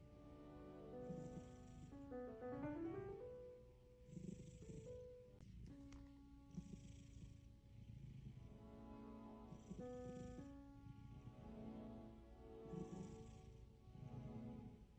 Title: My cat snoring for 15 minutes :)